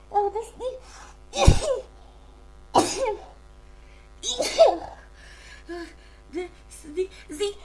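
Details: Huge sneezing fit: three forceful, explosive sneezes in close succession, each with a voiced cry, amid gasps and short vocal sounds; the sneezer is unsure whether it is a cold or allergies.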